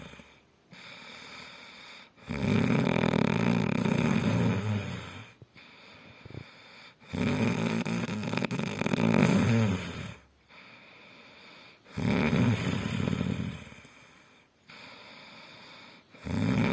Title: Best Snore Sound Ghunguti Sound